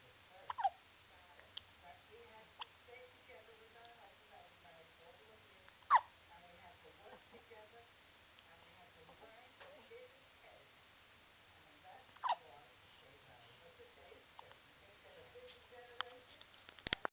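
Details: Hiccups; sharp, brief catches recurring every few seconds in a quiet room, with faint soft vocal sounds between.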